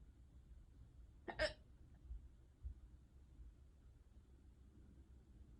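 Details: Ongoing prolonged hiccup bout (singultus), unusually severe for this person: a single abrupt, sharp hiccup in a quiet room.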